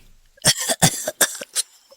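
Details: Adult man with a spring head cold, blocked nose and croaky voice gives four short, harsh cough bursts in quick succession.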